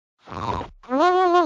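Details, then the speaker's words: Loud, noisy snoring: a rough, rattling snort on the in-breath, then a loud, voiced, tonal groan on the out-breath; such snoring can be a sign of sleep apnea. "while snoring can be a funny topic it can also be a sign of sleep apnea a serious medical condition"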